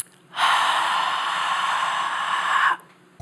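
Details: Male vocal coach deliberately demonstrating singing with excessive airflow, which he says causes soreness or hoarseness after singing; acted breathy voice (excessive airflow).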